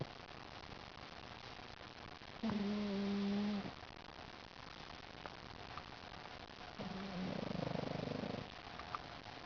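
Two loud, buzzing, rumbling breath sounds over steady room noise, about four seconds apart; snoring.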